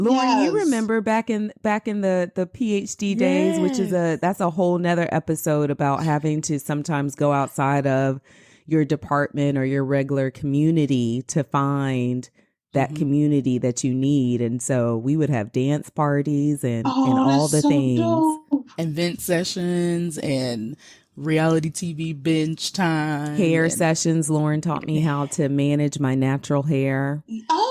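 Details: Adult woman speaking; Normal speech.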